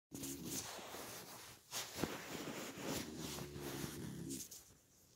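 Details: Loud snoring, like a grizzly bear: two loud, deep rumbling buzzes about three seconds apart, rough fluttering quality, quieter noisy breathing between.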